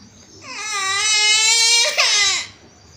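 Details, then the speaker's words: Young girl fake-crying for show: a sustained, high-pitched wail with a brief catch; acted crying. "तर आज तुम्हाला रडून दाखवते तर तिचं बघा खोटं खोटं रडू कसं आहे"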